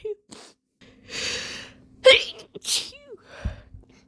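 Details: Female with a slight cold deliberately inducing sneezes to relieve a tickle: gasping build-up breaths, then a sharp, explosive sneeze and a short breathy after-sound; ordinary sneeze.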